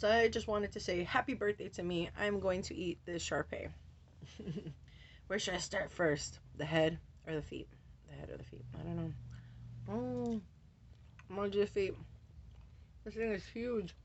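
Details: Adult woman with Tourette syndrome; vocal tics ('wow', 'whoa') and repeated words interrupt her speech, with tics very active since a medication change and also triggered by light. Finding: vocal tics (Tourette syndrome).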